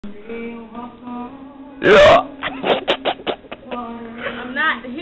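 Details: Female with a hiccup: a sudden loud gulping catch followed by several short, jerky bursts over light background music.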